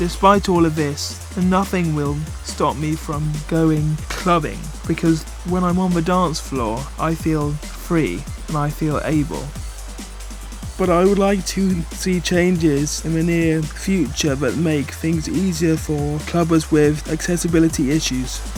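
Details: Adult man, wheelchair user, with cerebral palsy affecting his movement and speech: dysarthria (cerebral palsy)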